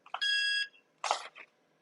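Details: AMT CO2 fractional laser (glass CO2 tube, scanner delivery) for pores and scars, demonstrated firing in scan modes including one-direction and random patterns: high steady electronic beep followed by a short burst of clicking and hissing.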